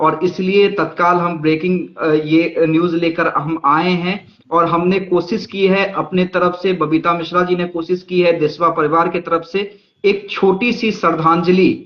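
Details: Adult speaker; normal voice.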